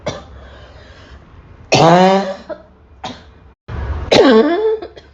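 Two loud coughs with throat clearing between them, separated by short pauses.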